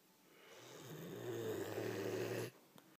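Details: One long, rising, rattling snore on the in-breath, ending abruptly; snoring heard on waking in the morning.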